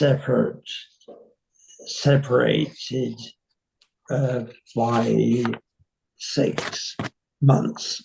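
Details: 85-year-old man with nonfluent variant primary progressive aphasia; slow, effortful speech with a self-correction; nonfluent variant primary progressive aphasia.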